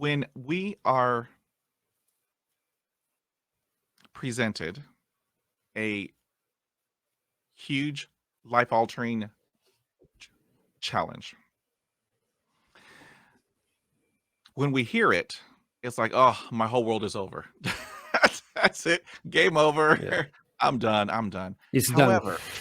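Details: Adult man who stutters, speaking with long pauses between word groups; stuttering.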